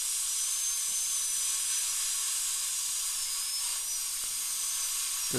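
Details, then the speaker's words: High-speed dental drill with 2 mm bur tracing out a large amalgam filling in upper second molar (tooth #2) under rubber dam for a crown: steady high-pitched whine with water-spray hiss. "so now I'm going to go ahead and and just Trace literally just Trace out the amalgam and we know the depth of the spur is 2 mm"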